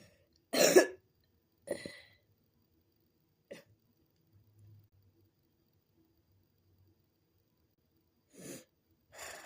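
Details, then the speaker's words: Young girl coughing up mucus: about five separate cough bursts with a loose, mucus-laden quality typical of a productive (wet) cough. "I can't help it that I keep coughing on mucus."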